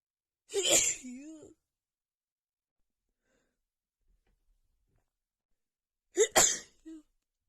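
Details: Female with a bad head cold and an unbearable nose tickle: two forceful sneezes, each with a voiced tail, separated by silence, part of a sneezing attack.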